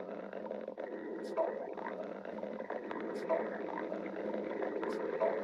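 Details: Stomach growling: continuous low gurgling rumble with three brief louder squeaky bursts, typical ordinary borborygmi.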